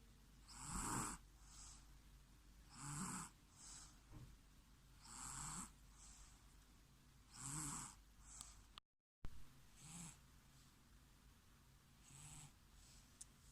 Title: Carbon copy of snoring 😴 😴 😴 😴 😴 😴 😴 😴 😴 of baba